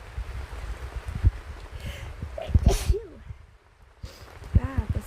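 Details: A sharp burst sneeze with a short voiced lead-in over steady rain and low rustling, from a person sick with a cold on a rainy day in a tent; sneezing.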